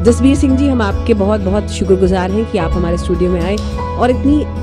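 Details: Adult man speaking Hindi; Ordinary speech.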